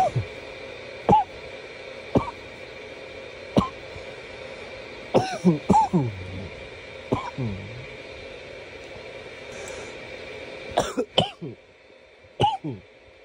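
Repeated short, sharp coughs, single and in small clusters, against steady room hum; ongoing coughing.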